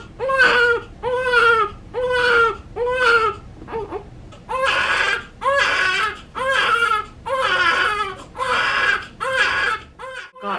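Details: Newborn boy in hospital after birth, bilirubin noted high at 9.5: rhythmic crying, about eleven strong cries with brief breaths between them, in a quiet room; newborn cry.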